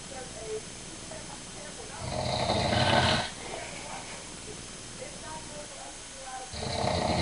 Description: this is my dad snoring